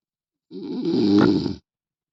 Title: World best Snoring man